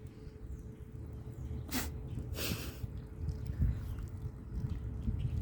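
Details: A goat gives two short forceful nasal snorts, sneezing on the person scratching it, over steady outdoor noise and a low hum; snorting.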